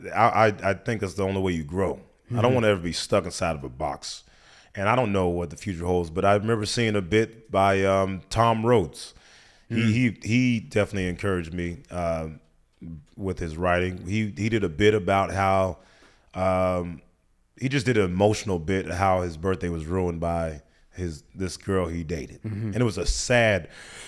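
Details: Adult man speaking; normal conversational speech.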